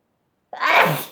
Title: Chinkini Sneeze - a bit of a wet one...